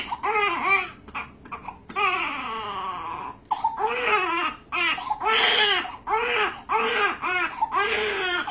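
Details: Repeated high-pitched, rising-and-falling cries with short gasping breaths between them from a newborn during circumcision: an intense pain cry.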